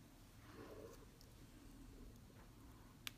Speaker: you can hear my stomach growling but holy crap I can all right I'll do one at a time